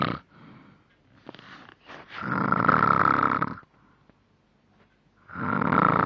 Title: vile snoring